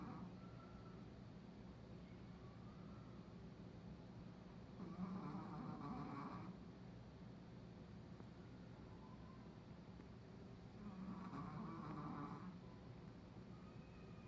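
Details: Small dog snoring loudly while asleep: two long, loud rattling breaths about six seconds apart over steady room hum.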